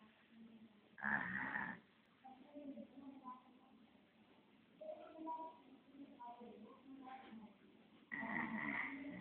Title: 1 year baby snoring